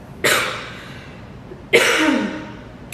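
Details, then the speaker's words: 26-year-old night-shift nurse sick with coronavirus (cough, body aches, chills, shortness of breath on sitting up, loss of smell): two single harsh, dry coughs about one and a half seconds apart. "so when i went to work tuesday night i started having a cough and then after that i woke up i had body eggs"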